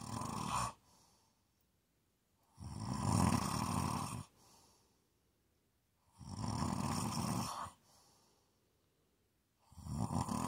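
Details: Loud, rough, rumbling snores on each in-breath, each followed by a softer out-breath, at about 17 breaths a minute; snoring.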